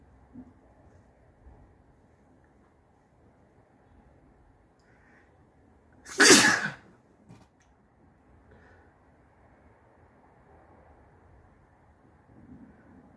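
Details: One loud, wet, forceful snotty sneeze in a quiet room.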